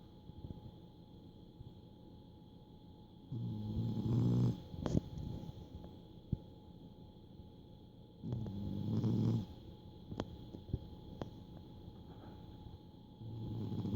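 Low, soft snoring breaths about every five seconds, with faint room noise and small clicks between.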